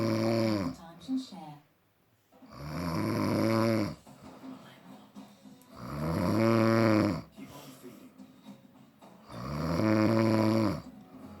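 Loud, rough snores with each breath in, about 18 a minute, separated by quieter breaths out; ordinary snoring.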